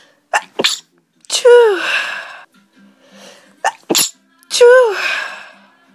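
Two sneezes, each with a sharp intake of breath and then a loud burst trailing off into a voiced tail.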